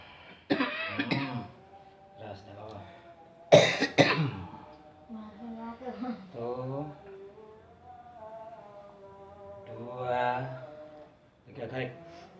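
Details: Adult male client with a long-standing cough and sore throat, reportedly improving, during a massage treatment while being told to take deep breaths: a few harsh, abrupt coughs mixed with voiced groans and breaths in a small room. Chronic cough.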